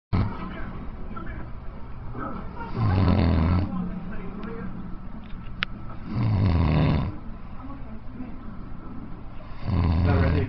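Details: Snoring by a man (a coach): deep, rumbling snores about every three to four seconds over steady background noise.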